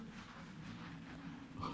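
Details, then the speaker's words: Adult's stomach growling (borborygmi) while hungry before lunch during a live stream: a low, drawn-out gurgling rumble, possibly faint through the microphone. "you hear that that was my stomach growling I don't know if that came in through the microphone or not"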